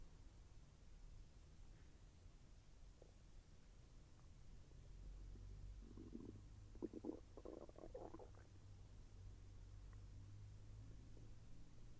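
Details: Soft gurgling and bubbling rumbles over a low steady background during digestion; the person felt the intestine move with slight pain. Bowel sounds.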